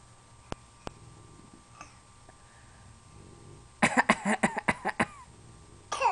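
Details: Young child deliberately fake-coughing: a rapid run of about seven short coughs, then one more after a pause; voluntary cough.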